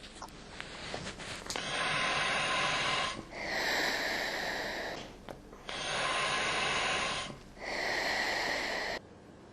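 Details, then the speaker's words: Slow, deep breathing with loud hissing airflow, about four breaths in nine seconds, as a patient inhales heated oxygen-helium mix through a mask on an Ingalit V2-01 unit during a recommended 5-minute inhalation period. "हम प्रक्रिया के लिए निम्नलिखित प्रक्रिया की सिफारिश पांच मिनट रोगी साँस 5 मिनट टिकी हुई है"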